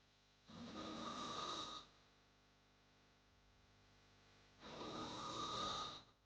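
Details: Snoring sound effect: two long, harsh, rattling inhaled hard snores separated by a quiet pause.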